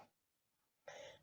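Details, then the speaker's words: 63-year-old woman with a cold that lingers and a persistent cough that has roughened her voice: a single short, harsh cough. "удивляетесь наверное у меня голос какой-то грубый я давно уже простыла но у меня никак не проходит кашель поэтому у меня голос какой-то мужской ещё"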